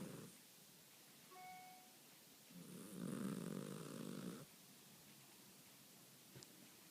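Soft rattling snore in a sleeping cat, one long vibrating breath sound over quiet room noise.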